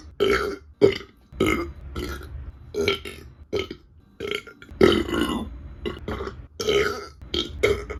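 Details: Belching: repeated burps from a burping compilation, with music and spoken "excuse me" and "pardon me" between them.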